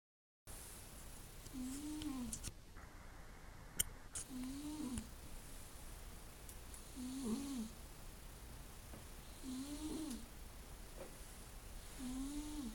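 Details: Soft, low tonal snores about every two to three seconds, roughly 23 a minute, over steady background hiss; quiet snoring.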